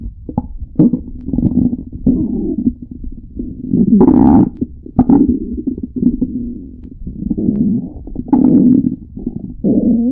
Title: Stomach growling tribute!